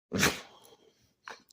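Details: A single sharp, explosive dog sneeze, followed by a brief fainter snort a second later; sneeze.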